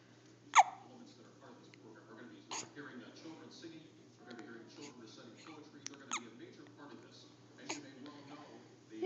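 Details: Hiccups: several short, sharp hiccups about two seconds apart over soft background noise and faint movement.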